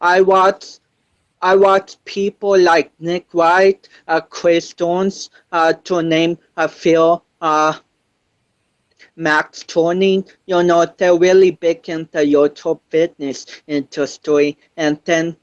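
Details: 25-year-old male powerlifter with cerebral palsy since birth, affecting balance, coordination and speech; dysarthria (cerebral palsy).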